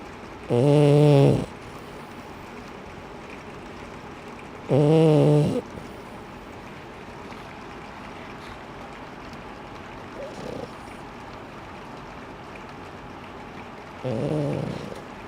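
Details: A woman snoring: loud rattling snores with long quiet stretches between them, about four breaths in fifteen seconds, against a steady background hum; snoring.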